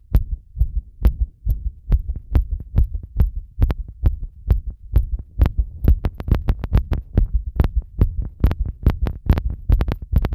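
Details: Heart sounds recorded with pressure against the chest after bathing: fast, regular heartbeat at about 140 beats a minute, thumping firmly; rapid heart rate.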